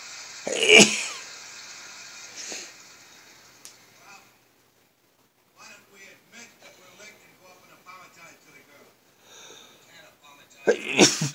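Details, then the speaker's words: Late-night sneezing at about 1 a.m., a nightly ritual, said to be quieter from tiredness: a few sharp sneezes separated by quiet breathing and soft mouth sounds, then one more forceful sneeze; sneeze. "you guys are lucky on rare occasion I'll start this baloney with multiples at night gosh bless me"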